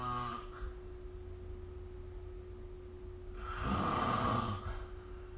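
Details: Snoring during sleep recorded with the SnoreLab app: one rough, rattling snore on a breath in over steady room hum.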